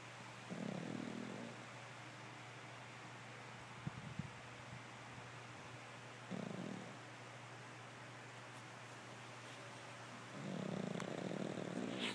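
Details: Pug dog asleep and snoring: slow, rumbling snores at roughly five-second intervals over a steady background hum.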